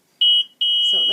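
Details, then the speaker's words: Hospira Plum XL IV infusion pump occlusion alarm, triggered because the line clamp was left on while infusing: loud, high, repeating electronic beeps, then a brief voice; the silence button mutes it for 2 minutes. "let's use the silence button hit silence and it does in fact silence it after 2 minutes time the beeping will kick in again and you'll have to hit silence yet again if you haven't fixed the problem"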